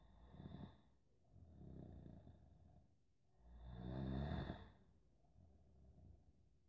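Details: Real recording of a person snoring after falling asleep on camera: low, rough rattling sounds with slow breaths, one louder than the rest, over quiet room noise.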